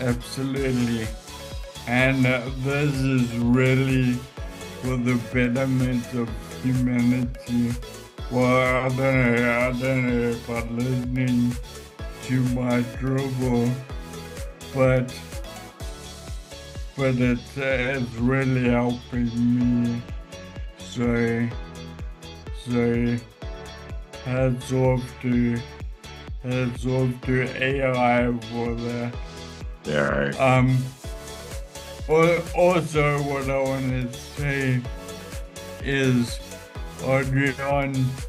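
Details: Adult man with Friedreich's ataxia causing ataxic dysarthria; standard AI speech recognition often misses his voice, while an adapted program captures about 90%; ataxic dysarthria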